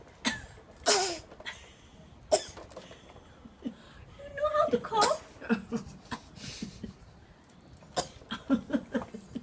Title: imitate coughing..funny version